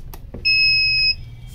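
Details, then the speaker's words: Dual-probe physiotherapy laser therapy unit (750 mW, 910 nm pointed and cluster probes, LCD display) switching on: a click or two, then a short, steady, high beep of under a second. This is the power-on tone. "This is the key to start and stop. If I put the same, you know, off condition, and I'm just putting the same on condition, I'm switching on the machine,"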